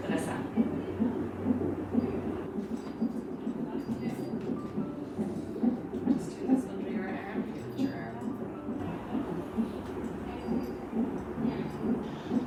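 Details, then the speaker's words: Fetal heartbeat as a beating, pulsing sound from a CTG (cardiotocography) fetal monitor during pregnancy/labour, with the transducer on the mother's abdomen; fetal heartbeat on CTG Doppler. "machine also produces a beating or pulsing sound that represents your baby's heartbeat."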